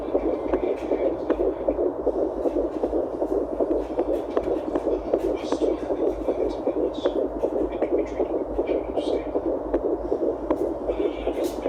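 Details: A fetal heartbeat is found on a home fetal Doppler at 10 weeks of pregnancy: fast, regular whooshing beats at about 158 a minute.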